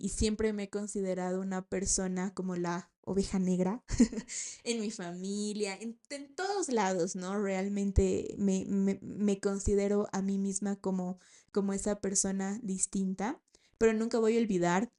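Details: 28-year-old woman, a speech-language therapist, who has stuttered since age 4, speaking Spanish; stuttering.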